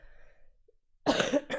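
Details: Cough from a livestreamer who says she coughs a lot, in a coughing compilation; after a quiet stretch, one harsh cough burst and a brief second burst.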